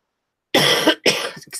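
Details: Two quick, harsh coughs in a row with no rattle or wet sound: a dry cough, with a still-running nose, on the first day of feeling better after illness.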